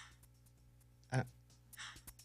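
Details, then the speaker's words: Dog coughing since last week, with no contact with other dogs; kennel cough only suggested as possible. One or two short, harsh bursts, described as like a train, coming in bouts, over low room hum. "Oh, like a train. Sounds like yeah. Like a- That's it. No, and then it takes a break, and then it comes back."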